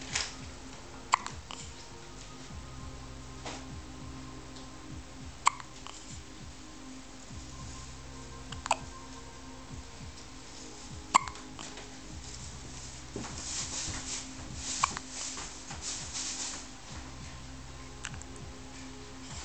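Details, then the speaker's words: Hiccups, with sneezes also mentioned; brief sharp hiccup clicks recur about every three seconds, roughly 20 a minute, over quiet music and room noise. "Oh, bless you. You got hiccups and sneezes."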